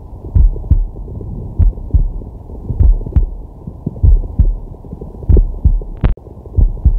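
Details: Man's heart sounds from a digital stethoscope on his chest while resting: deep, slow heartbeat, roughly 50 a minute, over loud low rumble and deep breath noise; normal resting heartbeat.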